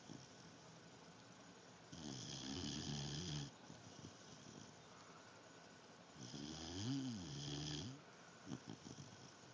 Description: My dog Zoey snoring